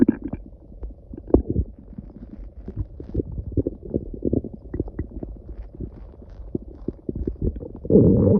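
Irregular low gurgling and rumbling bursts throughout; loud stomach growling, ordinary bowel sounds.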